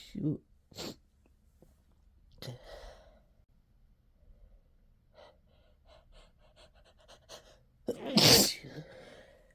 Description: I think stress got to me and I caught a cold. My nose is so itchy, I induced these out just to satisfy the tickle for a little while.